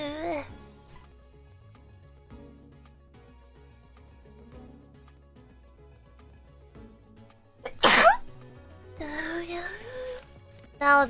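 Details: A triple sneeze attack during a stream: a quiet stretch with faint background music, then a sharp explosive sneeze followed by a voiced burst and another short one.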